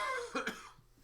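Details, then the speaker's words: Adult with a subtle, lingering cough still present after 2 weeks of illness, after a stomach bug, heard while talking; persistent post-infectious cough. "Like, I still have this, like, cough that won't go away, as you can hear. It's just, like, before it was way worse. Like, now it's, like, a very subtle cough, but it's still there after 2 weeks."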